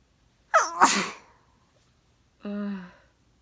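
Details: Person with a cold sneezing: one loud sharp sneeze with a quick intake before it, then a brief voiced sound afterward.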